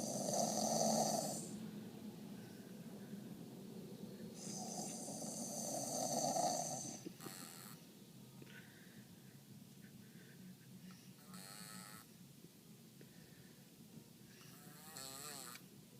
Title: Daddy and daughter snoring contest after daddy gets wisdom